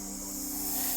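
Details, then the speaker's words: A salbutamol nebulizer runs through a mask for a woman with airway spasm: a steady high-pitched hiss of air and mist, with a faint low hum underneath. "the nebulizer and mask means a quick acting drug will vaporize oxygen directly into her lungs"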